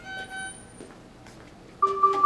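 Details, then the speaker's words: A mechanically ventilated patient with an endotracheal tube sets off electronic low tidal volume alarm tones after closed-system suctioning, because the suction catheter was not fully withdrawn from the tube: ventilator low tidal volume alarm. "tidal volume alarm going off you can see it that well so what's happened well essentially this patient was suctioned not by me their suction is the perception of the patient didn't remove the suction catheter all the way from their endotracheal tube"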